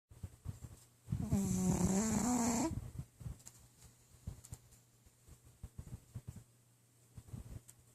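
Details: Pug sleeping and snoring: one long rattling, whistling snore followed by quieter snuffling breaths.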